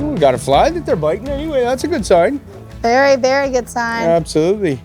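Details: Adult speaker outdoors; normal voice.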